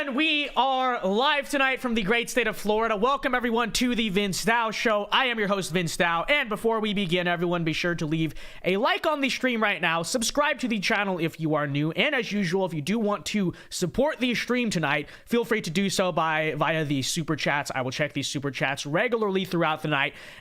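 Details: Adult male speaker; normal speech.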